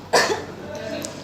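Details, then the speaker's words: Single forceful voluntary cough in a quiet room, nursing student lab-skill role-play teaching effective cough technique to a simulated post-surgery patient: deep breath then cough on count of three. "Nah itu tadi batuk efektifnya Ibu."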